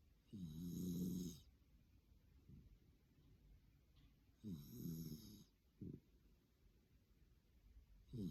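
Loud rattling snores on each breath, with a high whistling edge and a shorter snort between, about 16 breaths a minute; a noisy sleeping snore.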